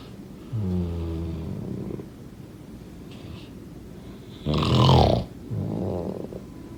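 Two loud, rough, low rattling breaths during sleep, each followed by a softer breath out: typical snoring.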